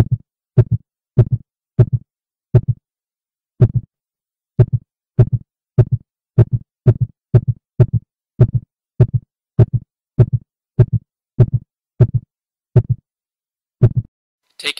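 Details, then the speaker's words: Paced-breathing demonstration at about six breaths per minute. Clear two-part heartbeats speed up as the lungs fill and slow as they empty: a normal respiratory sinus arrhythmia. "listen to the sound of the heartbeat and how it speeds up when the lungs are filling and slows down and when the lungs are empty"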